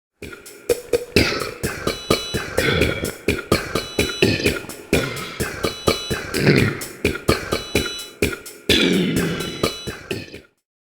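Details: Burping compilation: a run of loud, rumbling belches following one another with brief gaps between them, showing repeated burping.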